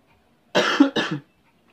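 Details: Person eating very spicy instant-noodle seblak that makes them cough: two loud, harsh coughs in quick succession.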